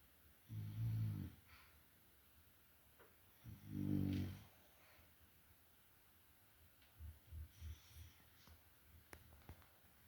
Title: my boy snoring loud #frenchies #frenchbulldogs #bulldogs #love frenchie